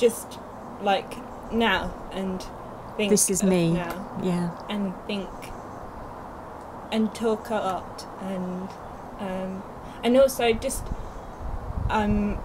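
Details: Young woman two years after a stroke at age 18, with Broca's aphasia affecting speech, reading and writing: Broca's aphasia.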